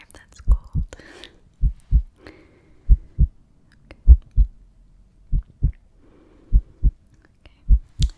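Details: Strong low lub-dub heartbeats through a stethoscope, about 50 a minute, with faint soft whispering early on, in an ASMR role-play exam; heartbeat.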